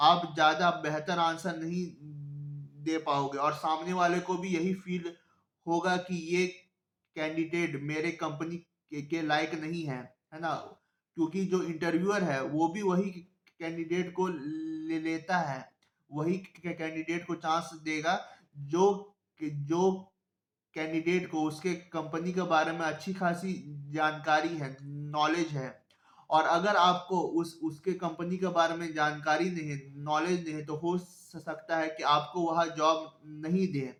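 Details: Adult man who stammers, speaking Hindi; stuttering.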